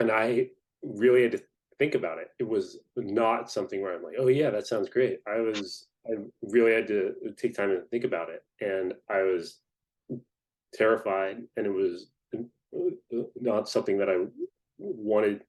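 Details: Adult person who stutters, speaking in a podcast interview; stuttering.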